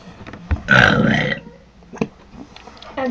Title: Crazy burping contest fail